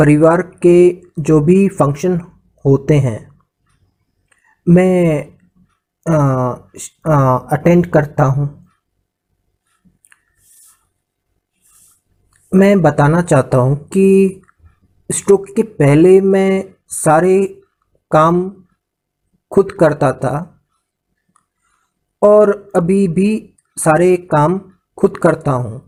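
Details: Adult man with non-fluent aphasia after a brain stroke (brain haemorrhage) in 2014; afterwards he could understand but not speak; recovering after about 2 years of speech therapy and now back at work; non-fluent aphasia after stroke (recovering).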